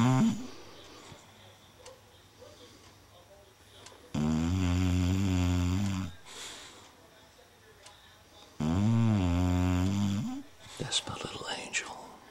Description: BeeBee's having a dream as she snores.